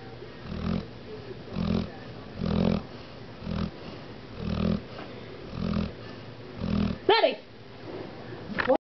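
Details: Dog snoring: regular low, rumbling snores, about 58 a minute, ending in a brief squeak.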